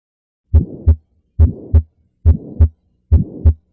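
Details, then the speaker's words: Real heart murmur heard by stethoscope auscultation: regular heartbeat near 70 a minute with a whooshing sound filling the gap between the two heart sounds, from turbulent flow such as valve stenosis or regurgitation. "Clinically, it's usually described as a whooshing or swishing sound heard on oscultation with a stethoscope, often due to valve stenosis or regurgitation."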